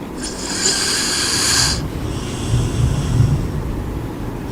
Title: my friend soothing snoring